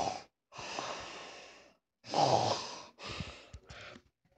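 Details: Simulated snoring: exaggerated noisy breathing with long hissing breaths and a snort, a human imitation of snoring voiced for a plush-toy skit.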